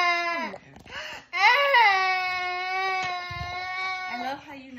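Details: A young girl crying in long, high, wavering wails with sobbing breaks between them.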